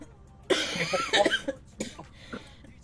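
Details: A girl gives a burst of harsh coughs, then a few smaller coughs, with a low room hum behind; she says her throat really hurts.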